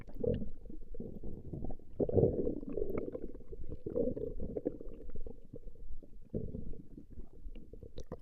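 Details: Recording of a woman's stomach growling: continuous low rumbling and bubbling gurgles that swell and fade; ordinary borborygmi.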